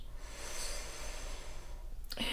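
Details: A slow, soft, normal deep breath with steady airflow, then a rustle, during stethoscope auscultation in a simulated ASMR medical exam; findings were stated as normal, with no infiltrates.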